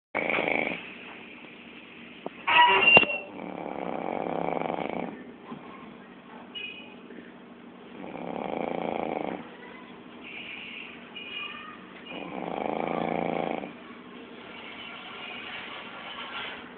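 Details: A person snoring in the morning gives regular rasping snores on each breath, about every four seconds, roughly 15 a minute, over a faint room hum. Snoring.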